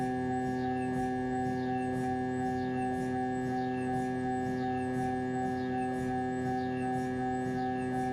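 Loud steady droning tones with a regular chirping pulse, about 80 a minute: MRI scanner noise during a head scan.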